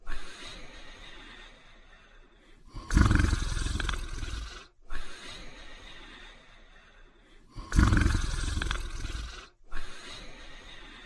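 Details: A sleeping man snoring: loud, rough, low rumbling snores on each in-breath with quieter breathing between, about 12 per minute.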